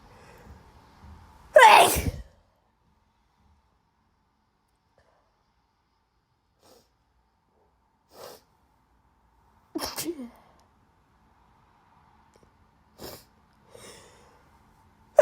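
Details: Person with bad allergies gives one loud, sharp sneeze, then softer sniffs and short breathy sounds. Sneezing.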